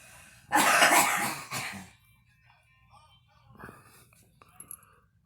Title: girl smoking and coughing